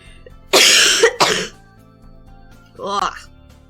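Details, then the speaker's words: A coughing bout of two loud, harsh coughs and a brief throat sound from an adult during a livestream, over soft background music. "Sorry, I don't have an easy mute here. I'm going to line up my mic my mic my mouse to mute it the next time I need to cough."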